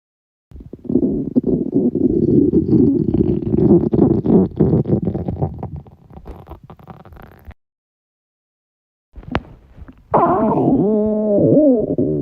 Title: stomach growls